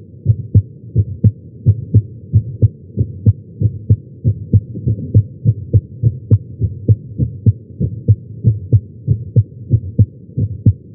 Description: I was having some chest pain during this. I was lying on my chest and the Stemoscope was placed at tricuspid.